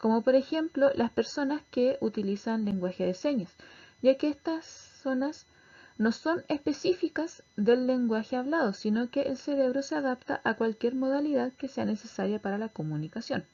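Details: Adult woman lecturing; normal speech.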